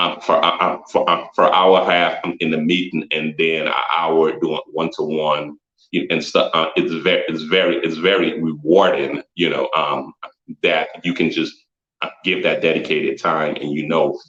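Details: Stuttering in an adult man, a photographer and former engineer; repetitions of words and frequent fillers.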